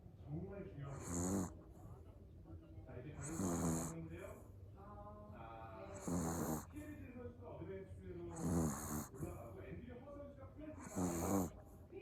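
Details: Sleeping puppy: rhythmic snores every two to three seconds, about 25 a minute, with snuffling whistles between breaths; snoring.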